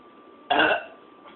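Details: Burping problem: one loud, brief belch from the throat in a quiet room.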